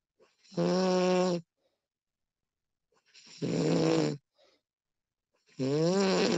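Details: Recording of a woman snoring during sleep: three loud, drawn-out voiced snores, about 22 per minute, separated by quiet pauses; ordinary snoring.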